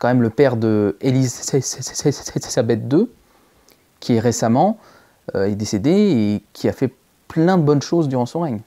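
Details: Stuttering in a male speaker since early childhood. It was treated but recently returned strongly, with blocks and repetitions. This clip has repeated attempts at the same phrase.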